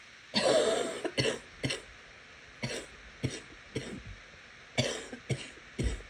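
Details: Wet productive cough while sick: eight cough bursts in short clusters with a loose, rattly quality that grows wetter toward the end.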